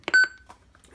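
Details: A couple of clicks, then one short, clear tone as a Defibtech Lifeline View AED powers on after its button is pressed.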